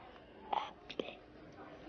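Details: Acted portrayal of an 11-year-old boy in a TV drama; no physical cause found, onset a few months earlier, stress from parents' breakup and moving house and school suggested as trigger; whispered voice: psychogenic (hysterical) dysphonia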